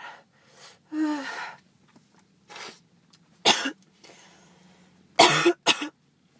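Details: Person with a miserable cold, nasal congestion, headache, sore throat and a cough: several loose coughs with throat clearing and breathy sounds between them, in a quiet room.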